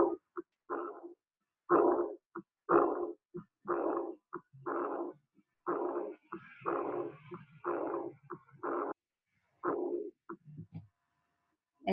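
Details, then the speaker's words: Heartbeat about 60 a minute with rough, drawn-out diastolic murmur after S2, aspirative, of aortic regurgitation, blood leaking back from aorta into left ventricle; teaching example. "También el soplo se genera a nivel de la válvula órtica, pero en este caso es un soplo diastólico, es un soplo de insuficiencia, ¿sí? en el cual hay un reflujo de sangre desde la horta hacia el ventrículo izquierdo."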